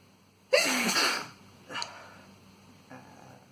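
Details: Adult man's tissue-induced sneezes: one forceful, hissing sneeze followed by two softer sneezes or breaths over faint room hum; possible blood afterward, uncertain.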